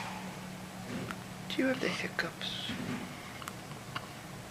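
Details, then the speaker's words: Infant hiccups: soft infant vocal sounds with a few brief, sharp little catches spaced seconds apart in a quiet room. "I'm sorry you got the hiccups."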